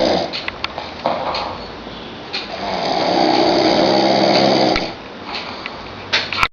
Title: Me Snoring next level